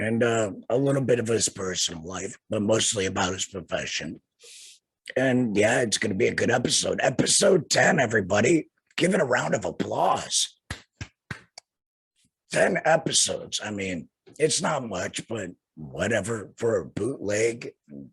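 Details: Male laryngectomee who had a total laryngectomy in 2020, speaking without a larynx; alaryngeal speech after total laryngectomy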